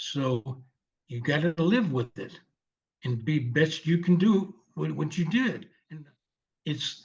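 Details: 74-year-old male veteran with aphasia from a stroke 7 years ago, initially unable to read, speak or write, now speaking with repetitions; non-fluent aphasia.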